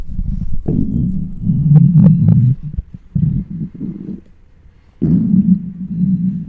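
Irregular low gurgling and rumbling over the abdomen with short pauses: loud hunger bowel sounds (borborygmi), a normal finding.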